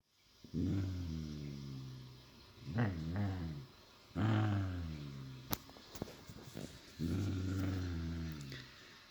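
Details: Sleeping dog snore-growling: long, low, rumbling growl-like snores with pauses and soft clicks between; snoring with growling.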